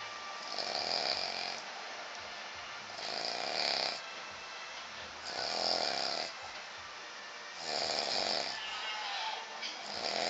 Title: His snore sound like a herb of animals 9/15/2011